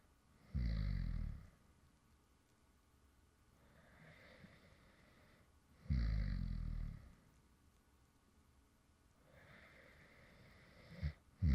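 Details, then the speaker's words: Light, regular snoring from an adult man who fell asleep while recording: a short low rumble on each inhalation and a softer exhalation, about twelve breaths a minute. "this is actually some light snoring sounds from me when I actually fell asleep in the middle of recording a previous video."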